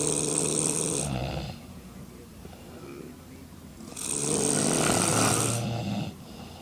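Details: Four intoxicated women snoring in a hotel room: two long, loud rattling snores about three seconds apart, with other sleepers snoring over them.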